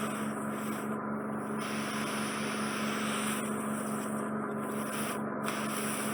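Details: Ear wax microsuction, suction probe clearing wax and trapped dead skin from the ear canal, healthy eardrum; steady rushing suction noise with low hum and brief dropouts.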